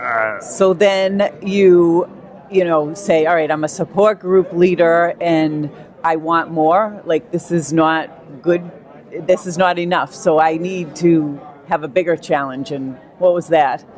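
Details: Adult speaker; speech.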